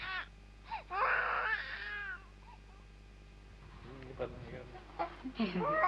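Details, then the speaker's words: Recording of a newborn's first cry played through speakers in a large room during a lecture on infant body language: short bursts of infant crying and whimpering with quiet gaps. "primer llanto y como en los primer en el primer año van sucediendo distintos momentos dentro de la expresión del niño"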